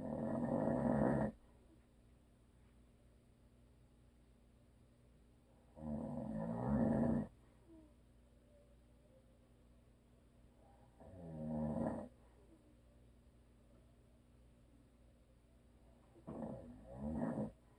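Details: A husband's habitual snoring during heavy sleep: loud, rattling, growly snores about 10 a minute, separated by long quiet pauses, with a faint, steady room hum.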